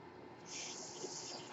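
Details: Adult man's mechanical ventilator, heard while he speaks: a soft, steady airy hiss swells and holds midway through as the ventilator delivers a breath.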